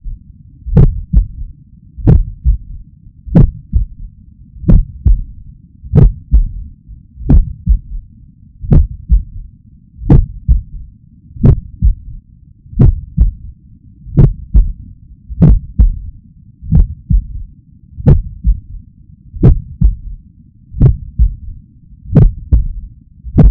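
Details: Slow, regular heartbeat near 44 a minute, with a soft low-frequency extra sound right after S2, from blood oscillating between the ventricular walls as it flows in from the atria. The person hopes it reflects athletic training: S3 gallop.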